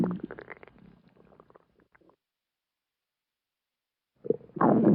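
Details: Stomach growling (borborygmi): a gurgling rumble that fades out, a short silence, then a louder rumble starts; ordinary bowel sounds.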